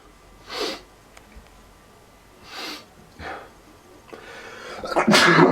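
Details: Repeated sneezing attributed to ongoing allergies: three quick sharp sneezes followed by a louder burst, in a quiet room; sneezing.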